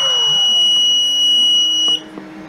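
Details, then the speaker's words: Loud, steady high-pitched electronic alarm tone that cuts off when reset: a test of a home-built open-circuit alarm added to a home ventilator after the ventilator's own alarm failed. "ventilator alarms which already a little soon now alarming and here is going off and reset that alarm"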